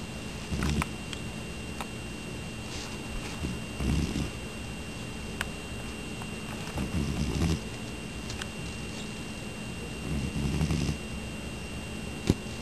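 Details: A sleeping pet that snores often and sleeps a lot: four soft, low rumbling snores at about 18 a minute over a faint steady room hum.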